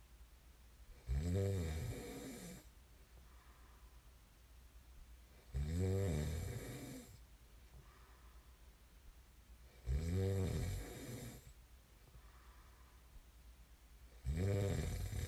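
Deep, droning, vibrating snores about 14 a minute, with faint out-breaths between; regular sleep snoring.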